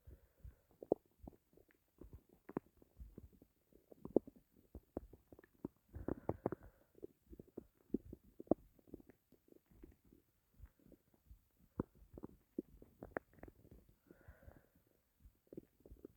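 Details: Person's stomach growling after going without food for a long, uncertain time and feeling starving: irregular low gurgles, pops and rumbling runs, normal hunger bowel sounds.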